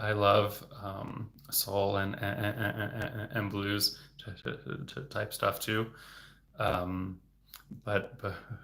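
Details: Adult man, a speech-language pathologist, who has stuttered since age eight and had speech therapy from childhood into his 20s; word repetitions; stuttering.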